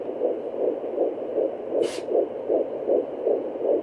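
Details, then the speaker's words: Home fetal Doppler at 13 weeks 4 days of an IVF pregnancy: fast, regular whooshing pulses of the fetal heartbeat at about 158 beats a minute, much faster than the maternal pulse, with one brief scrape. "you hear I sounds so much different to the other sound I showed you at first this one's a lot faster"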